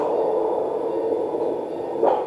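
Continuous low whooshing hum without pulsing beats: Doppler signal of venous blood flow in the spermatic cord during varicocele surgery.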